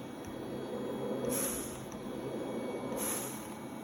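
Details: LTV 1200 portable transport ventilator, for adult and pediatric patients, operating: rhythmic airy whooshes of cycled breaths over a steady mechanical hum.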